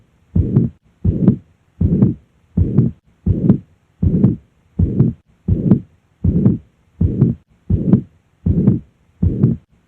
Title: MITRAL REGURGITATION - APEX | HEART SOUNDS | AUSCULTATION | MURMUR